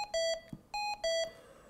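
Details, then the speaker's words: Series of five high-pitched beeps repeating: the high-priority alarm of a Hamilton-T1 ventilator, which also lights the red lamp. "a high priority alarm will eliminate the red lamp and gives a series of five beeps repeated"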